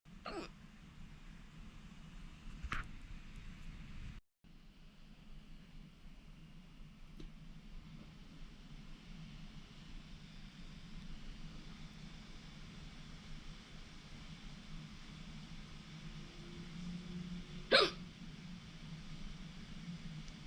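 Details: About three sharp hiccups, irregularly spaced and fading out, over a steady background hum.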